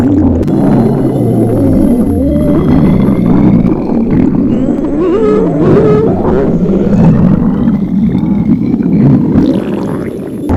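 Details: Girls reading in a library on an empty stomach, microphone placed near the stomach: continuous loud gurgling and rumbling with rising, warbling tones; hunger stomach growling (borborygmi), a normal bowel sound.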